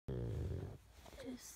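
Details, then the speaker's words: A brief, low, fluttering snore, then quieter snuffling breath, from a pug sleeping in the middle of the night. "is a blackout video of Mystic snoring. That is my pug snoring in the middle of the night."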